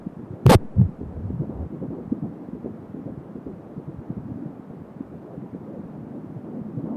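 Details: Fetal heart sounds at 16 weeks of pregnancy, picked up by Doppler: fast whooshing pulses through a steady hiss, after a loud knock at the start.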